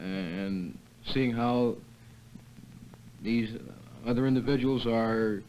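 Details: New member of an adult stuttering therapy group, early in group therapy; stuttering.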